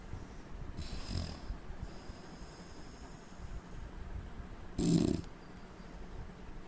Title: indian man snoring sound